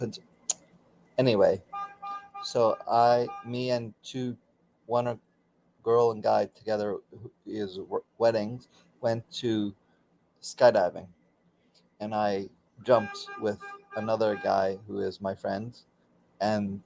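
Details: Aphasia in a man about 16 years after a stroke during surgery; he continues daily speech therapy.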